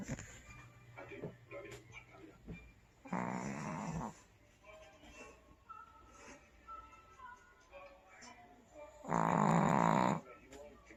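Two loud, rattling snores about six seconds apart over soft room sounds and faint music; ordinary snoring.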